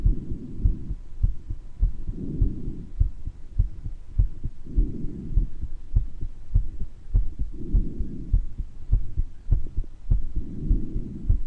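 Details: Regular low heartbeat about 100 a minute with a soft whooshing murmur between beats and faint breath noise with occasional wheezes, self-recorded in a person with mild bronchitis; heart murmur.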